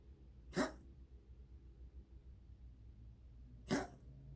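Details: Cat with a weird cough lasting months, not a hairball; cat coughing.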